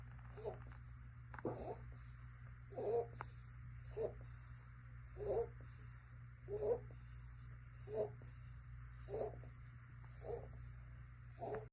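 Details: Six-month-old emaciated stray kitten, 2.68 lb, with pneumonia, chest fluid, pancreatitis and suspected FIP: fast, harsh, noisy breaths about 50 a minute, each with a rough crackling wheeze.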